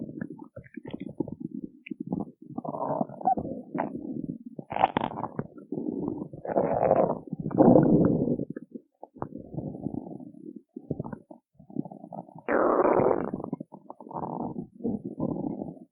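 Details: Stomach growling after skipping breakfast: long, bubbling, low gurgles and rumbles that come and go; borborygmi from gut movement on an empty stomach.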